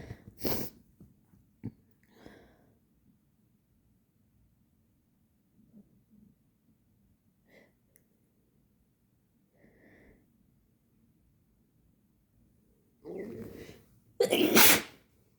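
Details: Agender person who reports bloody nasal scabs and trouble breathing through the nose: quiet breathing and snorting, then a short inhalation and one loud explosive sneeze.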